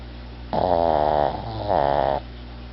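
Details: Overweight pug asleep on a couch snoring: two loud, buzzing, voice-like snores with room hum; owner jokes he may need a CPAP.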